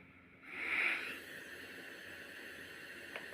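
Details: Byond B30P BiPAP machine started after settings and pressure mode are set, tube connected without humidifier: steady airy hiss of the blower pushing air from the tube outlet; BiPAP blower airflow.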